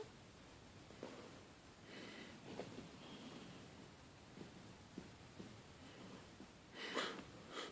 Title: cute derpy cat Petal... hear her snore purring